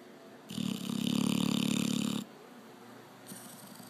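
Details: Sleeping Labrador snoring: one long, loud, buzzing snore lasting nearly two seconds, then quieter breathing with a fainter start of the next snore.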